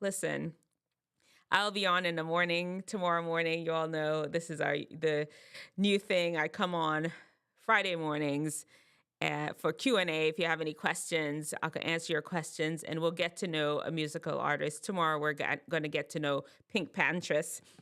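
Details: Adult woman speaking; ordinary speech.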